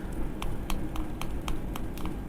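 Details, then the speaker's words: Metered-dose inhaler for a child with asthma, shaken for about 5 seconds before attaching a spacer: regular rattling taps about four a second, so the dose carries medicine, not just propellant. "ஒரு 5 seconds ஷேக் பண்ணனும். ஷேக் பண்ணதுக்கு அப்புறம் உங்க ஸ்பேசரோட இப்படி attach பண்ணுங்க."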